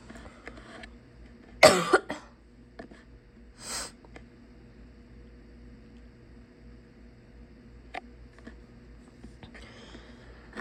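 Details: A person who is sick gives a single harsh, loud barking cough with a brief follow-up, then a breath, in a quiet small room; barking cough.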